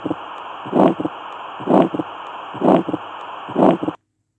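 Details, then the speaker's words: Regular heartbeat near 64 per minute with a harsh crescendo systolic murmur over steady hiss, heard at the pulmonary area, left second intercostal space: pulmonary stenosis murmur, teaching recording. "Now this is the murmur of pulmonary stenosis that is due to narrowing of the pulmonary well. Here blood flows from right ventricle to pulmonary artery and it is usually congenital and is a feature of tetrology of fellows."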